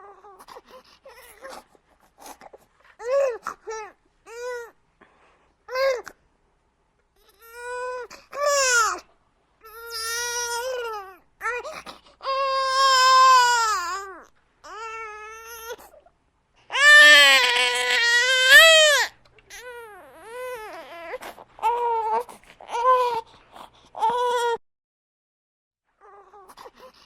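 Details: Infant crying in repeated wailing bursts with short pauses for breath, in a quiet room with an open window; recorded as a realistic sound effect.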